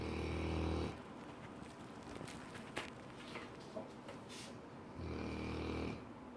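Two low, rumbling snores from a sleeping dog, separated by quiet breathing with faint room noise.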